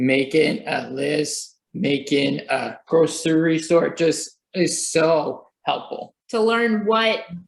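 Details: Young adult who had a stroke at age 28, about three years earlier, while on chemotherapy, resulting in aphasia. Finding: aphasia.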